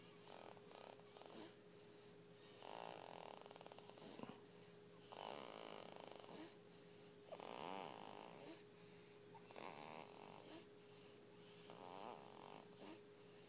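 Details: Sleeping dog with repeated rattling, fluttering snores on each breath, about 27 a minute, over a steady background hum; snoring.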